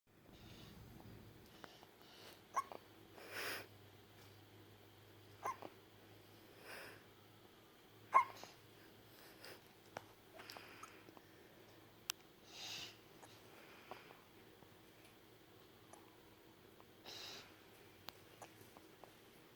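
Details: Faint, brief, sharp bursts recurring about every two seconds against quiet room noise; a run of hiccups.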